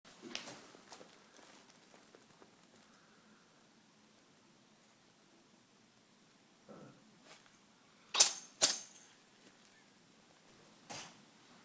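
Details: Cat sneezing a lot on one day, filmed before a vet visit and resolved within a day: several small, quick, snapping sneezes, two in fast succession, in a quiet room.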